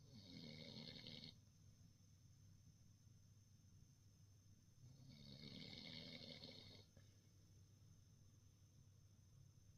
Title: Bavarian mountain hound snoring